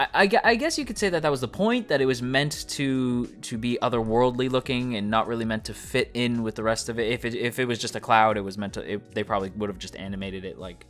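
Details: Speaker who describes his own speech as stuttering; part-word and whole-word repetitions, consistent with stuttering.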